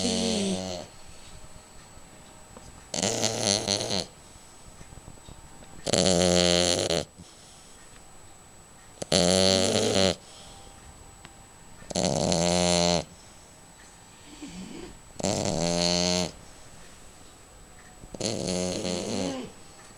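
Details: Snoring during sleep: loud, rough, regular snores at about 19 per minute, each lasting about a second, with quiet gaps between.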